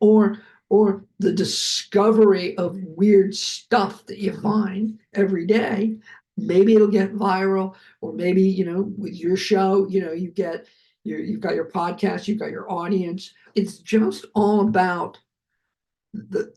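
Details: Adult male, heart attack and aphasia survivor, speech with repetitions and word-finding difficulty: aphasia.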